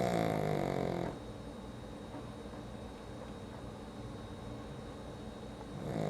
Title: Do pugs snore? Nah.....